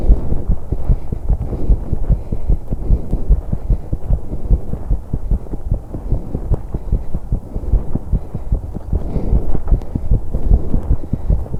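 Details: 21-year-old woman on an exercise bike: fast thumping heartbeat near 150 a minute under heavy breathing and rumbling noise; rate quickened with exertion, recording noisy to capture breath sounds.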